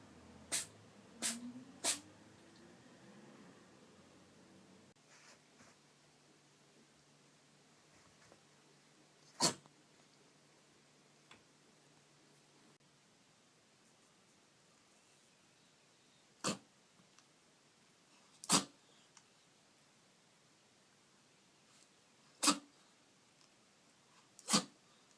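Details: Compilation of a black-and-white cat's sneezes collected over one year, 13 in total including aborted ones: short, sharp sneezing bursts with quiet room noise between them.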